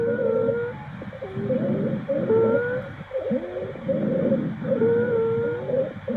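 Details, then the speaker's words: High-pitched, musical squeaking with each breath, about 25 per minute: stridor, a wheeze-like sound from a narrowed airway. "estridor similar a sibilancias al respirar Ada alergias problemas respiratorios y"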